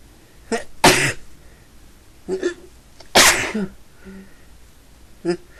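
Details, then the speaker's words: Two loud sneezes, each preceded by a sharp inhalation, with brief noisy breaths between, from a person who says they have been sneezing all day and can't stop; repeated sneezing. "I've been sneezing all day. Can't stop."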